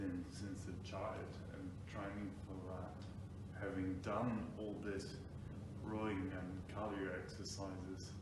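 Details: Ataxic dysarthria in an adult man with Friedreich's ataxia, diagnosed about five years earlier; he reports slurred speech at times, difficulty pronouncing words, and pushing with chest and lung volume to speak.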